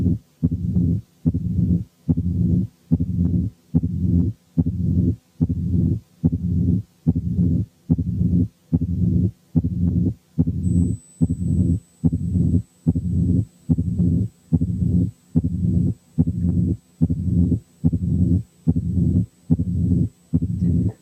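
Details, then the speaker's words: Mitral stenosis, regular at about 72/min: accentuated first sound, second sound, opening snap, then low rumbling mid-diastolic murmur with presystolic accentuation. "المفروض ان كل واحد recognized accentuated first sound ثم second sound ثم opening snap ثم mid diastolic murmur with a pre-systolic accentuation."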